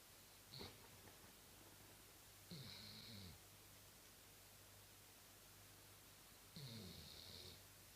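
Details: Dobermann dog snoring after a long day of playing: soft, periodic snoring breaths heard faintly over a steady background hum.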